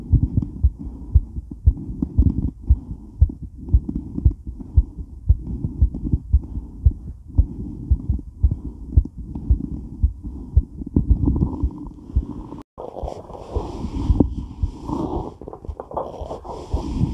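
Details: Woman's heart during and after weight training, recorded while moving: strong, rapid, pounding beats about 115 a minute with heavy breathing, rubbing and movement noise; fast heartbeat after exercise.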